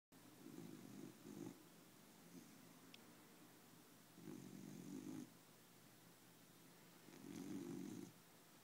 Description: Cute when it's quiet like this. Not so cute when it wakes you up in the middle of the night.